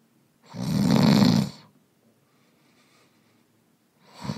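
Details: Man snoring, sound effect recording.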